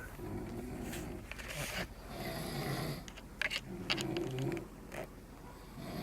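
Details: Two men snoring after 2 a.m., keeping the recorder awake: low rumbling snores overlap with rustling and clicks in a noisy room, snoring from possibly more than one sleeper.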